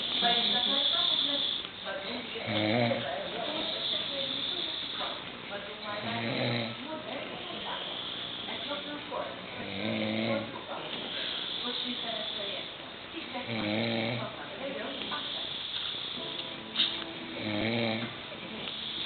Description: man snoring , tell me how can you sleep with this ?